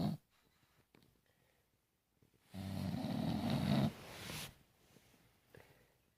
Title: English bulldog snoring away!!